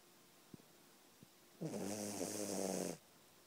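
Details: Sleeping puppy giving a single drawn-out rattling snore on an in-breath after a couple of faint soft sounds; ordinary snoring.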